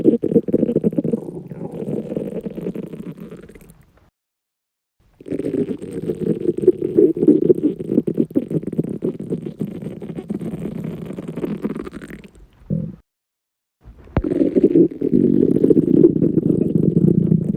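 Long, low, gurgling rumbles from an empty stomach, in three stretches with brief silences; ordinary loud bowel sounds.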